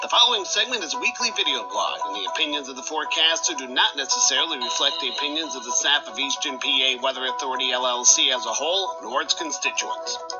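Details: Adult male announcer; normal voice.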